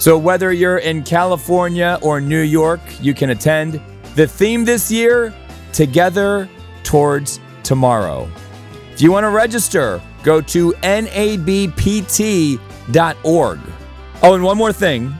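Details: Adult speaker; Normal fluent speech.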